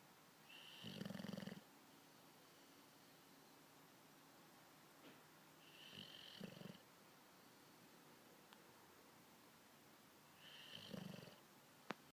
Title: Bulldog snoring